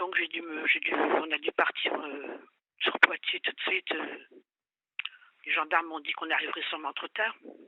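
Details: Adult speaker by telephone; ordinary speech.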